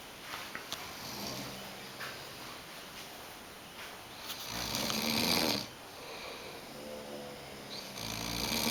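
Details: Ordinary snoring: irregular rattling snores with a loud harsh burst midway, over steady room noise.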